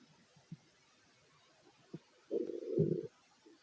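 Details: Fit adult male's stomach growling while eating a plate of sandwiches: quiet low gurgles, then a louder drawn-out rumbling growl under a second; active bowel sounds during digestion.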